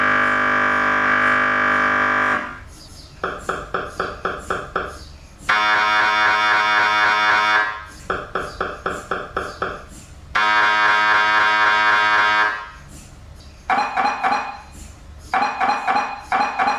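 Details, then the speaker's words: MRI scanner noise recorded during scanning: loud, rapid mechanical knocking, whirring, banging and buzzing tones in alternating bursts, produced by the rapidly switching powerful gradient magnets. "ones I could still hear these really clearly obviously they're so loud and there was such a variety of sounds that I thought what what is actually going on and why is it so loud but it's just it's a byproduct of the heavy machinery and the power of the magnets that that it uses"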